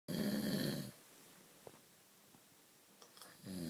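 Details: Loud, vibrating snores about three seconds apart with quiet breathing between them from a sleeping dog; ordinary snoring.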